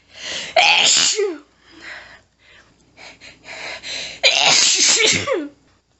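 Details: Woman, nose tickly all day, trying to stifle without success: two forceful voiced sneezes with quick panting breaths and smaller catches between them, an intense paroxysmal sneezing fit.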